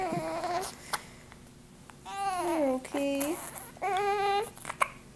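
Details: Baby who had hiccups, with a parent wondering about the diaper or hunger; short, fussy cries and whimpers with falling pitch, brief pauses and faint sharp catches; infant cry.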